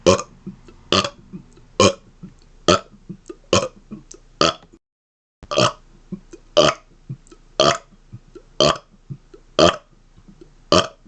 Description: Here are some of my rapid-fire burps in their 1st stand alone video! :)